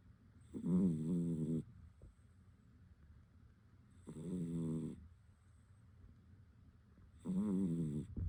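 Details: Sleeping animal snoring, captioned as a wild hibernating bear: loud, rattling snores about one every three seconds with quiet pauses between.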